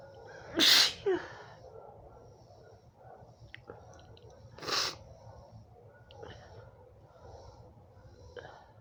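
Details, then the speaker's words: Two forceful sneezes a few seconds apart with a breathy catch between, then quiet sniffing, from an adult woman with allergy, itchy red eyes and itchy throat; allergic sneezing fit. "Sometimes if I elongate and build up, the sneeze will go away. The sneeze will go away, the itch won't."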